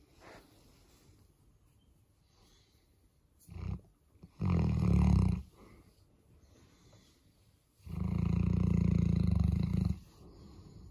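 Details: Boerboel dog sleeping in on a morning: two long, loud, low rumbling snores with a short snort between them in a quiet room; snoring.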